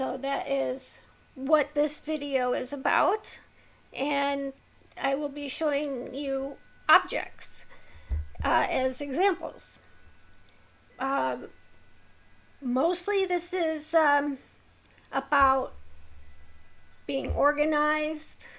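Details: Vocal tremor in an adult woman with a neurological condition causing tremor of the hands, voice and head plus mild tardive dyskinesia; she strains to talk, which makes her throat sore.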